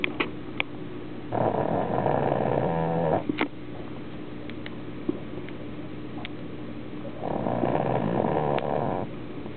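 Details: Snoutless pug asleep with dog food in front of her: two long, loud, rattling snores separated by quiet breathing with faint sniffs; snoring in a flat-faced dog.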